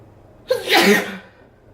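A quick in-breath followed by one forceful, explosive sneeze; a single ordinary sneeze.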